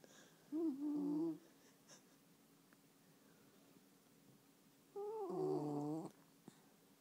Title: Violet the Westie Snoring